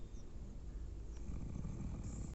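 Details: Low, steady rumbling snore from a sleeping animal, heard over a short stretch: snoring.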